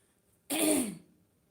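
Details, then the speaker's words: A person on a live stream who says they have caught a slight cold gives a single brief, rough throat clear of about half a second in a quiet room; throat clearing. "আমার গলা [গলা পরিষ্কার করা] কি তোমরা সবাই শুনতে পাচ্ছ? একটু ঠান্ডা লেগেছে।"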